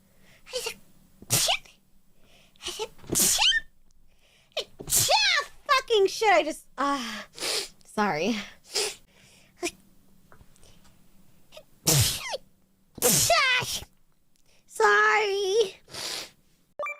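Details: Sneezes from Nijisanji VTuber streamers clipped from live streams: a run of sharp, explosive sneezes from several people, each with a quick breath in first and brief apologetic speech between them.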